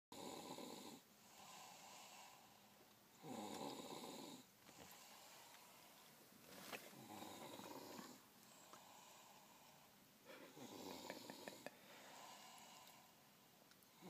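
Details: Snoring: rough, fluttering snores on each breath at about 18 breaths a minute in a quiet room.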